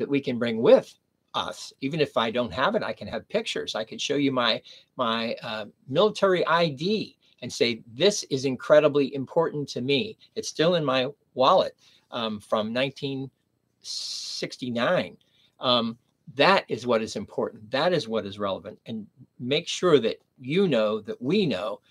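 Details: Adult man with mild, recovered aphasia after a stroke at age 59, nearly 11 years earlier, speaking in the later recovery period; aphasia (mild, recovered).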